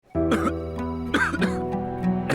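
Several short, harsh coughing bursts from an adult acting a cough, heard over steady background music; a dry, irritated cough.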